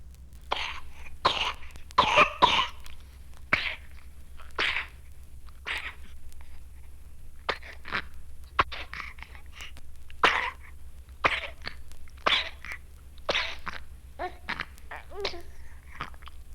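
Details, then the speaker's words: Young child with bronchiolitis, mostly due to RSV, coughs in persistent repeated spasmodic bursts like whooping cough but without the whoop. "There is usually, but not always, a persistent spasmodic cough, almost like that of whooping cough, but without the whoop like this."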